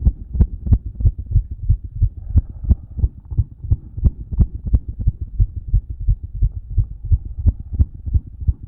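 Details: Self-recorded heart after exercise through a stethoscope: fast, strong, regular beat with a murmur, both louder than at rest, and a soft extra sound near each beat, possibly S4, not louder.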